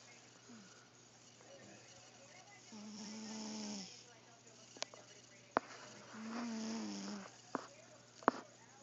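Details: Snoring in a sleeping cat: two slow, buzzing snores roughly three seconds apart, with soft breathing and a few faint clicks in a quiet room.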